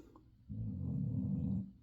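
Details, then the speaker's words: Sleeping basset hound, tired after a walk: one low, rumbling snore-like breath about a second long in a quiet room; snoring. "The basset is over here snoring. So, if you hear that, that is her."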